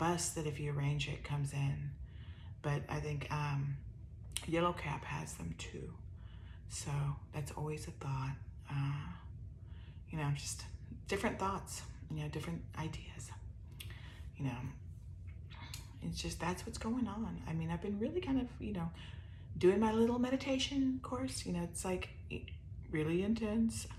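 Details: ALS-related voice weakness in an adult woman with upper motor neuron dominant ALS (C9orf72 mutation, some lower motor neuron signs); her already soft voice grows softer with talking, and she uses a microphone.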